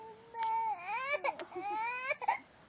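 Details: Baby crying for Vice Ganda: high, wavering infant cry with short broken sobs; ordinary crying.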